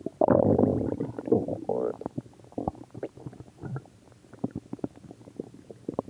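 Gurgling, rumbling bowel sounds, with a louder bubbling run at the start and then scattered soft pops and gurgles. Ordinary stomach growling.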